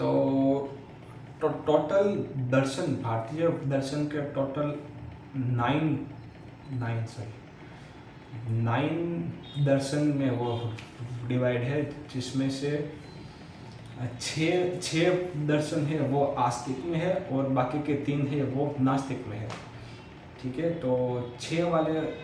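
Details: Adult man's own speech in Hindi, self-reported stammering, filmed on day 1 of a daily speech practice routine (tongue, lip and breathing exercises); stuttering.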